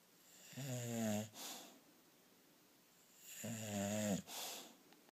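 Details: Snoring during sleep: two loud rattling snores on the in-breath, each followed by a breathy exhale, roughly every three seconds.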